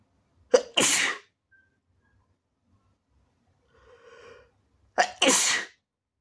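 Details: Person with sinusitis doing induced sneezes, with a sore, slightly bleeding nose and watery red eyes: two forceful sneezes, each a short inhale then an explosive burst, with a faint sniffly breath between.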